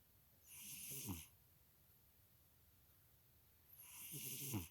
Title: snoring cat